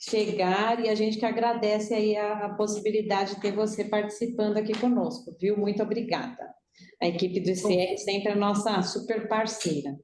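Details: Adult woman speaking Portuguese; ordinary speech.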